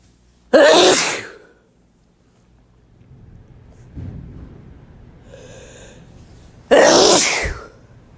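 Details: Two loud, forceful wet sneezes from a male, several seconds apart, with quiet breathing between them; sneezing.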